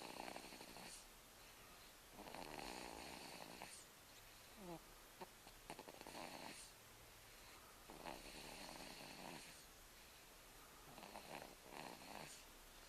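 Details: Rhythmic noisy, rasping snores, about 20 breaths a minute, from a sleeping infant boy old enough for tummy time: snoring.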